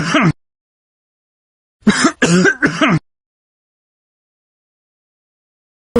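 A short throat-clearing burst, then three quick rough throat clears in a row, separated by silence.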